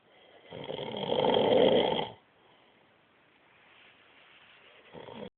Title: My Hubby snoring!!!! Ahh!!!!